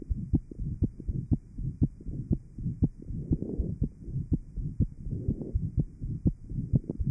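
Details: Heart sounds recorded in 1955 at the aortic area of a patient with interventricular septal defect after post-operative plication of the pulmonary artery; ventricular septal defect murmur.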